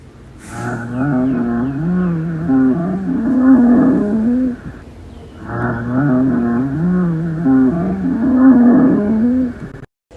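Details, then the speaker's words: Educational respiratory-sound example: two long, low-pitched, snoring breath sounds with a rattling, groaning quality, from air passing large airways partly obstructed by secretions, mucus or inflammation, often changing after coughing; rhonchi. "Los roncus o roncos son ruidos respiratorios adventicios continuos de tono grave y carácter de un ronquido. Estos son producidos por el paso de aire a través de las vías aéreas grandes, parcialmente obstruidas por secreciones, moco o inflamación."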